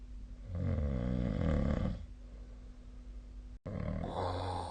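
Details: A deep, rattling, vibrating breath followed by quieter breathing and the start of another rough breath: snoring during sleep, recorded 2025/02/25.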